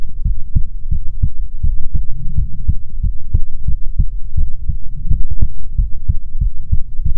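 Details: ASMR heartbeat recording, presented as soothing heartbeats from a female persona: steady, strong low thumps in a regular rhythm, about 140 per minute, soft hum behind; normal heartbeat.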